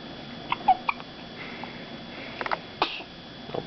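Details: Two people with hiccups: short, sharp catches of breath recur about every second over faint room noise.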